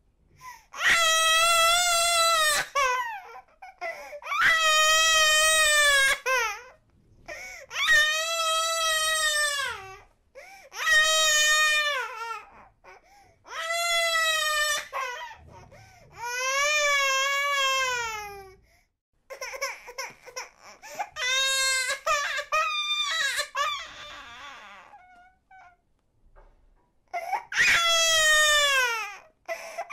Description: 8 month old baby crying sound effect (Long Version)